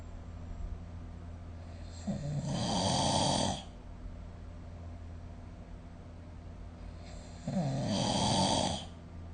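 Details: Snoring during sleep, recorded with the SnoreLab app: two long, rough, rattling snores about five seconds apart over a low steady hum.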